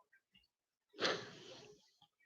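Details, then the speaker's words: Sleeping dog snoring, described as not very loud; one soft, hissy snoring breath with a slight flutter in a quiet room. "Can you hear Bolo snoring? He's not real loud. Not real loud at all."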